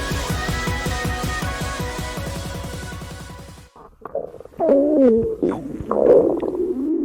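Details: Electronic music with a beat, then low, wavering gurgling growls from an empty stomach in a girl said not to have eaten in days; ordinary hunger rumbling, stomach growling (borborygmi).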